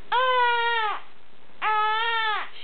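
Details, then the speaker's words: Infant girl upset during modified tummy time: two loud, sustained wailing cries, each close to a second long, with a brief pause between; ordinary upset infant crying. "we are trying to have a modified tummy time yeah and then I think she realized that she got tricked into this modified tummy time still screaming bloody murder"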